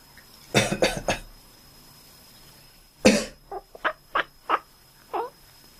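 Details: Owner coughing near a sleeping cat, which responds with a quacking sound; cough.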